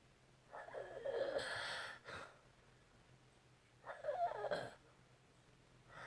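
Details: Adult snoring beside a bed partner, described as a mild episode compared with the usual, much louder snoring: two noisy, rattling breaths about three seconds apart; snoring.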